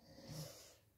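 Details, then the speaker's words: A husband asleep on the couch snores gently in the background while a woman speaks during a sticker haul video. Snoring. "Je suis désolée par avant si vous entendez ronfler. C'est mon mari qui s'est endormi dans le canapé et qui ronfle gentiment."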